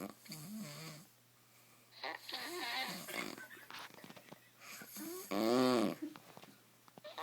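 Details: Rough, rattling, tonal snores separated by pauses, with faint background chatter, from a man knocked out asleep on the couch: snoring.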